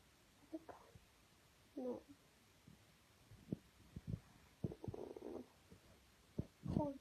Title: Lab puppy gets hiccups!